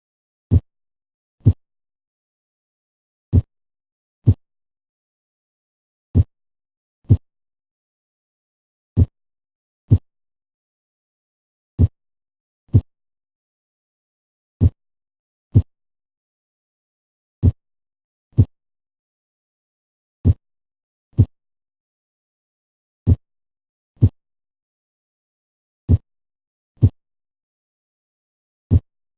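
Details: Simulated normal S1 and S2 heart sounds, slowed for teaching to 24 beats per minute: clean lub-dub pairs, each pair counting as one beat.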